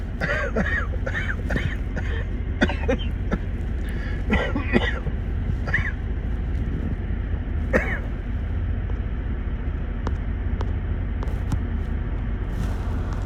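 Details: An adult gives a series of short, deliberate coughs for no medical reason over steady vehicle rumble; voluntary cough.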